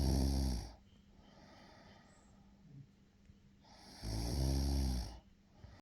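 Two long, low, rattling snores about four seconds apart with quiet breathing between them.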